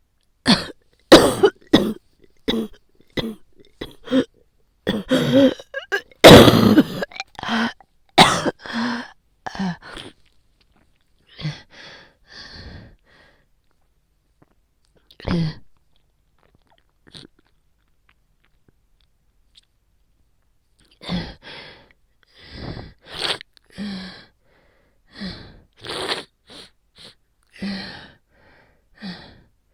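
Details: Adult with a cold, bronchi hurting just from breathing in, coughing very painful, taking daily painkillers: repeated forceful, harsh coughs in clusters with throat clearing; cough with common cold.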